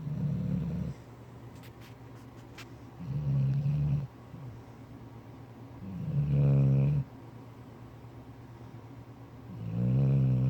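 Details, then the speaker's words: Dog sleeping in bed, snoring heavily: loud, deep rattling snores on each breath in, about 18 a minute, with quieter breaths out between. "That's what we deal with. This dude be snoring really hard."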